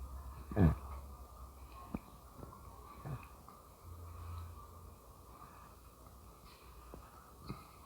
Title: Stomach noises while burping